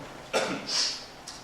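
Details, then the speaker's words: Seminar presenter with a throat cold, an itchy sore throat and on medication gives a short cough, then a hissing throat-clearing against faint room noise; cough / throat clearing. "기침을 하거든요. 이게 저도 관객 입장에서 들어봐서 하지만 굉장히 거슬릴 텐데, 그래도 인내해 주시고 계속 들어주시면 감사하겠습니다."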